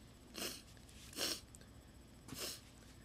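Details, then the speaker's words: Person deliberately trying to sneeze on camera: three short, sharp sneezes in quick succession, each a hissing burst of air. "So I've got this, and I'm going to attempt sneezing again."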